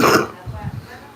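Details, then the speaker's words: An adult former heavy, long-term smoker who quit a week and a half ago gives a single harsh cough burst, then low throaty grunts, as phlegm still comes up; productive smoker's cough. "y'all hear that cough? It's still where the stuff's coming up. And I ain't had a cigarette in a week and a half."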